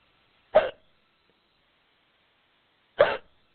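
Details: Woman playing a giant in an acted audio role-play, with a powerful case of hiccups she seems to have brought on on purpose; two short, sharp throat catches about two and a half seconds apart in a quiet room: hiccups.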